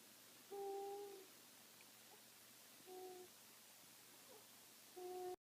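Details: Sleeping infant snoring: soft, tonal, owl-like hooting snores, three in a row, about every two seconds.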